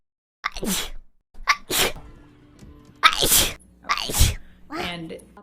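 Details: Woman sneezing repeatedly during a livestream, about five sharp, forceful sneezes, some with a short voiced catch before them, in a small room; she never remembers to take her Claritin.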